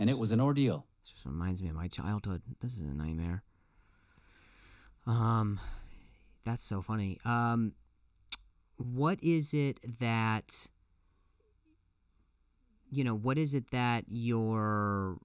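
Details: Male comedian who stutters and says it has gotten a lot better over the years; a guest jokes that a softball hit was involved, which is unconfirmed; repeated words and phrases; stuttering.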